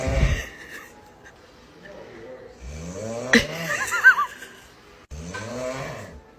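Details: Loud, rattling snoring on each breath with whistling and squeaky tones mixed in, from sleepers in a compilation of funny snores.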